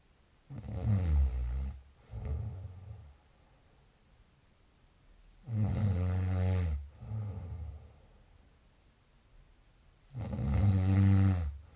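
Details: Loud, rough snoring on each in-breath, each followed by a softer out-breath, about 13 breaths a minute; snoring.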